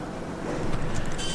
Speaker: very cool and that noise that you just heard was my stomach growling I did not have lunch today